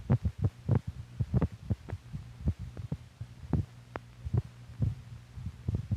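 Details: Old (possibly 1950s) medical film for doctors recording heartbeats: paired low thumps about 70 a minute over a steady low equipment hum.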